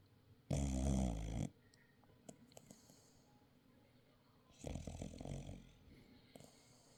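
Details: A person snoring: one loud, low rattling snore, then a softer snorting breath a few seconds later, in a quiet room; snoring.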